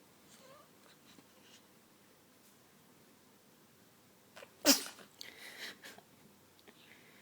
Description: Cute baby sneeze and playing in his new swing.